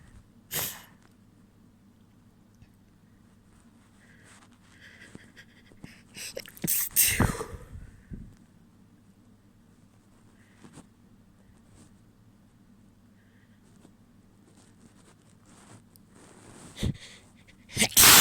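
Several wet sneezes, a few of them stifled, followed by sniffing and a nose blow, over a steady room hum.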